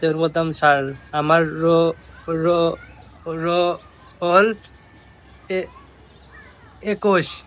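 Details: Bengali-speaking man who stuttered as a child re-enacting his childhood stutter during a roll-call answer; stuttering (imitated)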